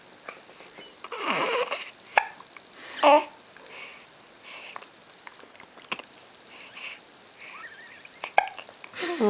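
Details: Baby with recurrent hiccups: brief, sharp hiccup catches at irregular intervals amid soft baby noises and faint room sound; infant hiccups.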